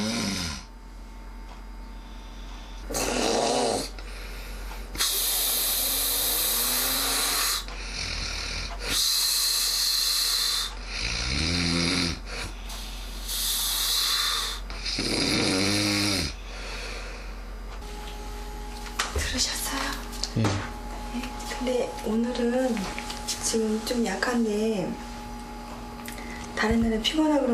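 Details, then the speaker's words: Loud, rough snores recurring about every four seconds, with rattling breaths between them, from a married man whose snoring is severe and lasts all night, worse when tired; snoring. "자는 모습을 지켜봤다. 잠이 든 지 얼마쯤 지나자 드디어 아내가 말하던 코골이가 시작됐다."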